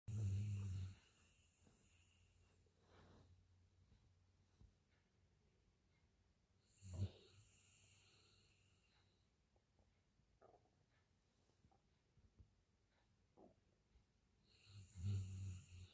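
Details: Gentle snoring from a sleeping golden retriever resting after a long afternoon walk: soft, slow snores about seven seconds apart with quiet breathing between.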